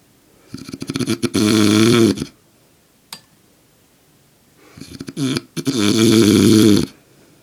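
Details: Adult man (father) sleeping soundly: two loud, rattling inhaled snores, each with a fluttering start, separated by quiet exhalation; heavy snoring.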